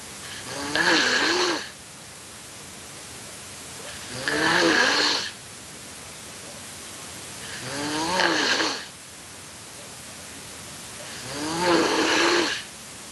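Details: Adult man asleep during a livestream: four rattling snores on the in-breath, about 17 breaths a minute, with quiet out-breaths between them; steady snoring.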